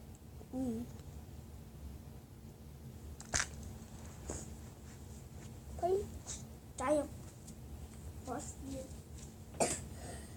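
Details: Several short, sharp coughs scattered among quiet vocal sounds in a small room; repeated coughing.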